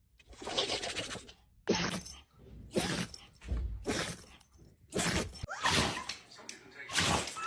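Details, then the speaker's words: Dog sneezing: several sharp, noisy bursts in a row, some with a brief squeak; repeated sneezes. "Oh my goodness, what a big sneeze."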